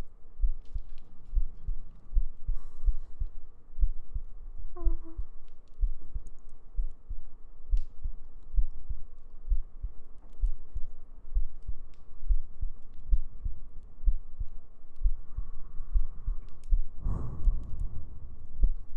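Soft, regular low heartbeat thumps under a steady hum, with a few faint breaths and rustles.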